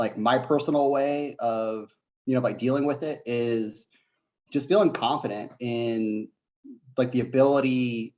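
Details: Adult man who says he has a bit of a stutter, speaking on a live online panel; stuttering.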